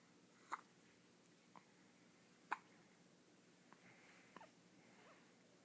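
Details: Ten-day-old infant with hiccups: brief sharp catches in a quiet room, about three clear ones two seconds apart plus fainter ones.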